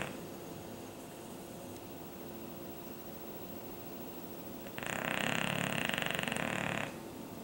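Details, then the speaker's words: English Bulldog asleep perched on pillows on the sofa; a rough, fluttering snore of about two seconds over quiet room hum: snoring. "Perched on its pillows on the sofa, snoring like an old"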